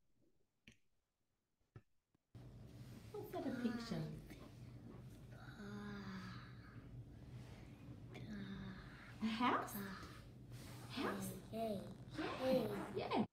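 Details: Childhood apraxia of speech linked to a FOXP2-related genetic condition in a young man naming pictures, with jaw sliding or groping and visible searching for sounds, struggling to attempt the word "house".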